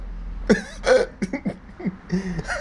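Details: Hiccups in a man: a run of abrupt, voiced gulping catches, about six in under three seconds.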